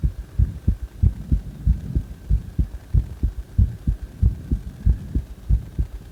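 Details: Heartbeat recorded after CPR: steady, regular low double thumps at about 94 beats a minute.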